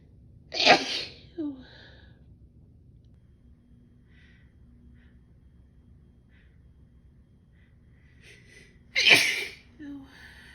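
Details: Adult female with a pollen-sensitive nose, despite allergy medicine, gives two loud explosive sneezes several seconds apart, each followed by a brief breath, in a quiet room; sneezing.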